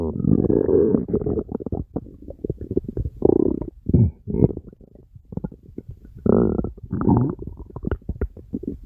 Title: Stomach Rumbling